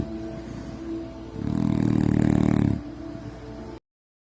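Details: Adult man snoring far worse than usual since recent surgery, attributed to uncomfortable sleep positions, recorded at night by his wife: single loud, deep, rattling snore over a second long; heavy snoring.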